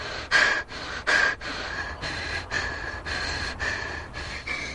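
Loud, labored gasping breaths, about a dozen in under five seconds, with a strained rasp; acted desperate air hunger of a severe asthma attack.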